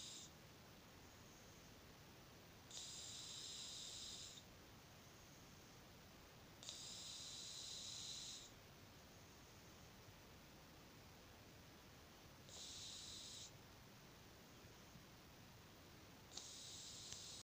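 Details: Loud hissing, rasping snores with each breath, about 15 a minute, from a cat sleeping in an unusual position.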